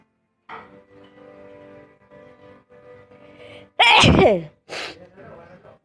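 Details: An adult gives a loud, forceful sneeze with a voiced cry, then a shorter second sneeze.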